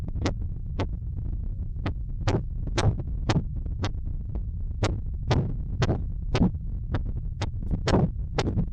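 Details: Korotkoff sounds heard through a stethoscope during cuff deflation in a pericardial disease class, used to measure pulsus paradoxus: repeated short taps, about 115 a minute, over a hum.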